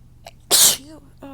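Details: Person with an irritated nose, whose usual sneezes are small "kitten sneezes", giving a big sneeze after a buildup: a brief breath-in, then one loud explosive hissing sneeze with a short voiced trail-off.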